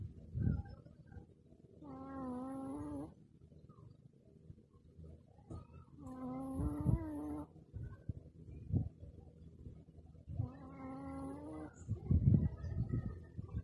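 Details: Shih Tzu dog snoring while asleep: tonal, whistling snores about every four seconds with soft snorting breaths between them.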